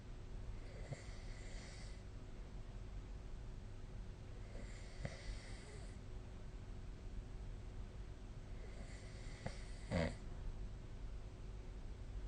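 Soft, low rumbling breaths about every four seconds, roughly 14 a minute, over steady room hum: snoring during sleep.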